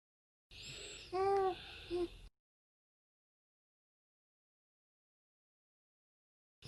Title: newborn baby yawns for a long time and sneezes like an adult funny grazy🤣 lass dich überraschen 😎🤣